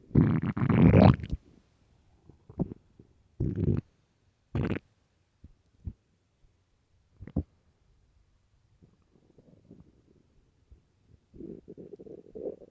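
Loud low gurgling and rumbling bursts followed by softer bubbling growls; normal stomach growling on an empty stomach.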